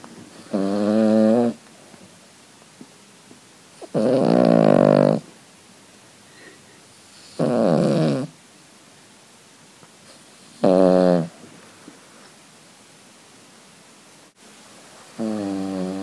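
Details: Heavy snoring from Sophie, a deeply sleeping female Cavalier King Charles spaniel: loud, rhythmic, buzzing snores with each breath in, about every three to four seconds.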